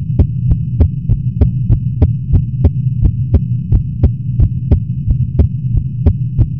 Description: I pretty much just recorded my heartbeat once I woke up. It's a little fast.